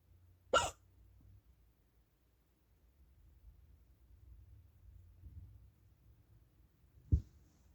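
Two brief, sharp, abrupt sounds several seconds apart in a quiet room, consistent with hiccups.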